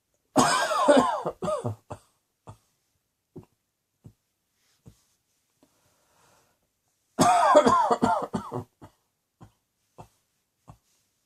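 Two bouts of harsh, wet-sounding coughing, each a strong burst followed by several softer coughs trailing off, with quiet between.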